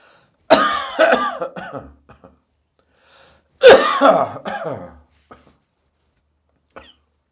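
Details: Two bursts of dry, harsh hacking coughs from an adult in the morning after drinking too much beer the night before: dry cough.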